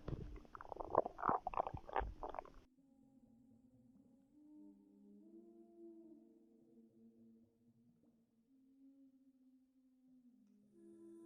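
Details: A pregnant woman's belly recorded before contractions began: a burst of bubbly gurgling, then long, drawn-out tonal growls shifting in pitch. Ordinary bowel sounds, stomach growling.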